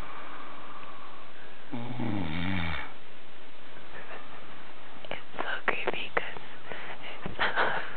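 One low, rattling snore lasting about a second, followed by soft clicks and rustling in a quiet room.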